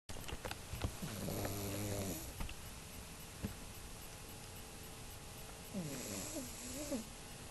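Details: A 5-month-old pug snores while asleep: two snores with a whistling, squeaky edge, separated by faint breathing and small clicks, typical of a flat-faced dog.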